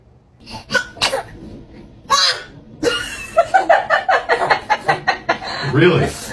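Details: Baby sneezes: short, sharp infant sneeze bursts, one with a squeaky voiced tail, followed by rhythmic giggling or babbling; ordinary baby sneezes.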